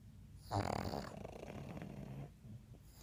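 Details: Snorting, rattling breath followed by a softer, fluttering rumble from three sleeping pugs; snoring in flat-faced dogs.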